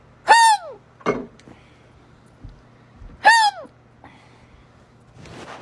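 Two sharp, high, squeaky gasps about three seconds apart in a quiet room, each a sudden involuntary catch of breath: hiccups.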